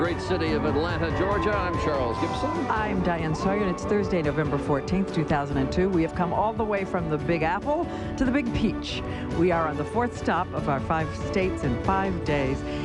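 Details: Adult TV hosts; normal speech.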